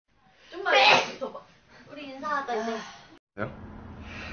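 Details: Single loud, sharp explosive sneeze followed by brief voiced sounds and room noise, from a K-pop idol sneezing compilation.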